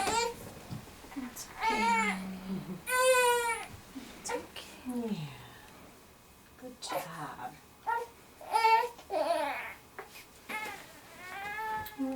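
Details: Intermittent fussing and short crying bursts with quiet gaps in a small room, from a constipated premature triplet girl aged 3 months (3 weeks corrected) during a KST chiropractic adjustment; ordinary infant cry.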